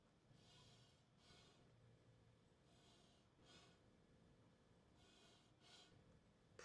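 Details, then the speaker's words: Simulated demonstration: an adult human breathes through a large endotracheal tube sized for a Bernese mountain dog, showing easy, unhurried, unobstructed normal breathing, about three cycles in six seconds, in a discussion of collapsing trachea. "pretty normal which is good because if I'm anesthetized for two hours with some kind of major surgery it's good good that I can breathe pretty normal"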